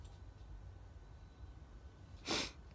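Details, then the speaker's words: Single sneeze from an adult who has been sneezing for about 3 minutes, the third sneezing bout today: quiet room, then one brief explosive burst of air near the end. "I forgot to press record again. And that was a really good sneeze as well. I've been sneezing for about 3 minutes and I thought I was recording."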